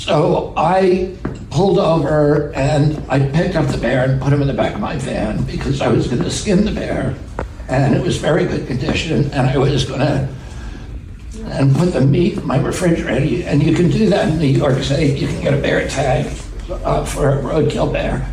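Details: Adult male public figure, clip of natural conversational speech; he attributes his voice to a vocal condition, spasmodic dysphonia (self-reported, as relayed by a podcast host); spasmodic dysphonia.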